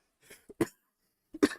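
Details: Adult man recovering from pneumonia, who mentions wheezing, coughs.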